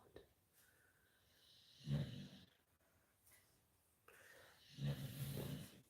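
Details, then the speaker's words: Dogs asleep and snoring in the background during a night-time live chat. "so my dogs are asleep can you hear my dog snoring my dogs are snoring so"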